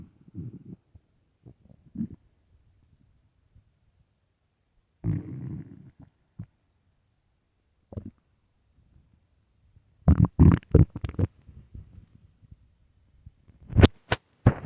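Low gurgling rumbles and squelchy bubbling bursts from the belly, on and off. Stomach growling, a normal sign that can come with hunger.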